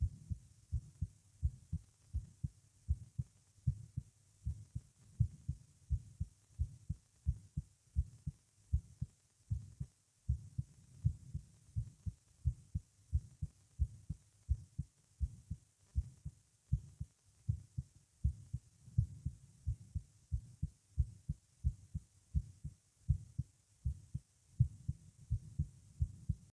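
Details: Heart recorded lying down in a person with a visible neck pulse and palpitations: a strong, pounding heartbeat at about 85 per minute with a soft whooshing murmur between beats. Some clicks may be heard.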